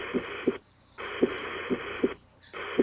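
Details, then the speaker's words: Heart sound recording from a study website: steady whooshing hum behind soft heartbeats, briefly cutting out twice, a venous hum, an innocent murmur. "now we're going to go to the innocent murmur with a veinous come"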